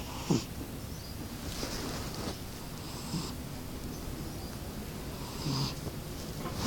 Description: Cat snoring nonstop.